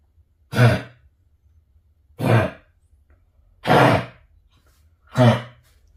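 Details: Dog with kennel cough: four separate harsh, honking cough bursts, about one every 1.5 seconds.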